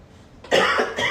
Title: is sick x Coughing and Sneezing x with Tommy Getting his Hair Braided 😷